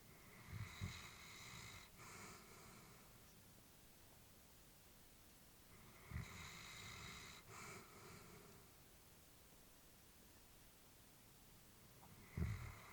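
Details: Elderly female Labrador sleeping peacefully, with slow, soft, rasping snores and small snorts, about two breaths over thirteen seconds, against room hiss; snoring during sleep, recorded while the family was worried about her.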